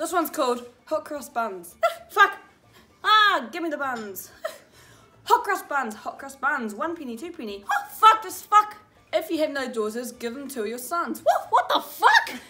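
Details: Teenager with Tourette syndrome reading nursery rhymes aloud: involuntary vocal tics, including swearing and inserted words, interrupting the reading.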